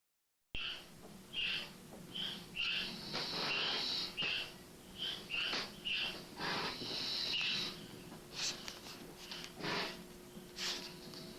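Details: A person snoring in sleep: repeated hissing, whistling breaths with short squeaky snorts roughly every second.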